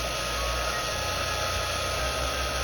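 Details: A steady, loud rushing hiss of air with a low hum, from a dental air syringe drying the teeth after rinsing, before primer is applied during orthodontic bracket bonding.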